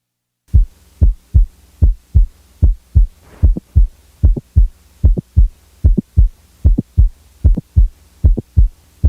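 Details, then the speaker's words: Regular heart sounds at about 75 a minute with an added sharp mid-systolic non-ejection click, recorded by stethoscope; such clicks most commonly reflect mitral valve prolapse: mid-systolic click. "the next example is that of a normal 20 year old female with a typical mid-systolic click"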